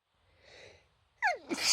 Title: chhinkni fit of sneezes